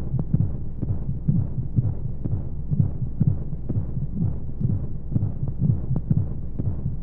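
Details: Womb sound played as a baby sleep aid with white noise: muffled, steady low heartbeat thumps at roughly 125 a minute under a soft hum of monotone flowing sound, as heard from inside the womb.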